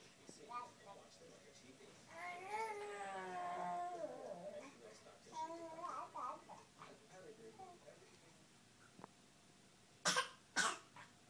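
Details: Sick young girl playing at cooking: babbling speech followed by two short, sharp coughs at the end in a quiet room; cough.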